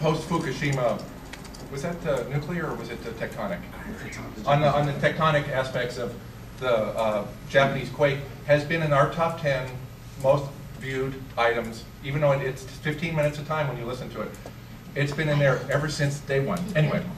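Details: Adult male speaker; ordinary speech.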